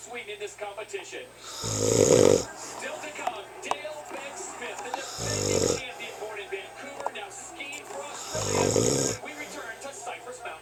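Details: Man asleep at home on Valentine's Day with the 2010 Winter Olympics on TV: three loud, rattling snores about three seconds apart, roughly 20 breaths a minute, over TV talk and faint music; snoring.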